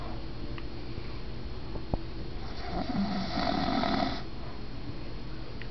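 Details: Snoring from a sleeping adult man, the stepfather: a loud, low rattling snore lasting about a second over steady room noise.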